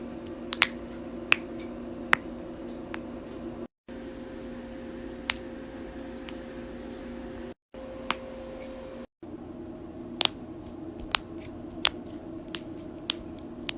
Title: cracking joints compilation